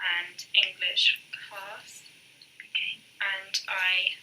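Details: 19-year-old woman who had a stroke the previous year, an atypical age for stroke, real Broca's aphasia (expressive aphasia).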